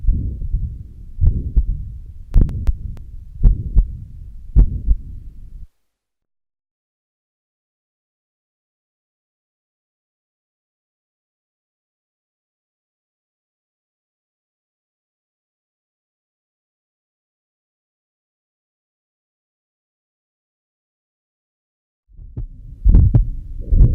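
Low heartbeats with a continuous rumbling murmur filling the gaps, interrupted by a long silence; mixed mitral stenosis and regurgitation murmurs.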